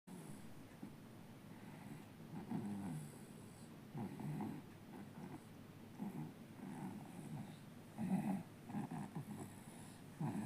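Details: Sleeping 4-month-old baby snoring: irregular low rumbling breath noises, loud for an infant, with some soft snorting.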